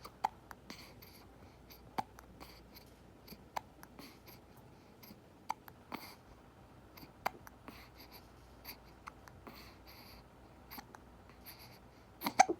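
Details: Infant with hiccups after feeding: about a dozen sharp, brief clicks at irregular intervals in a quiet room.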